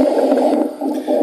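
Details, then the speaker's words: Stethoscope lung auscultation sample: low-pitched, continuous snoring-like rumble over the chest, lower than wheezes, rhonchi from secretions in larger airways, associated with pneumonia or chronic bronchitis. "rock ties are similar to whistles but they are lower sound version similar to snoring sounds"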